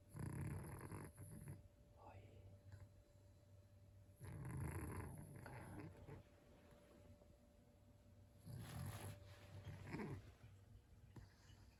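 Low rumbling snores repeating in a loose rhythm, about 14 a minute, with quieter breaths between; ordinary snoring in a small dog.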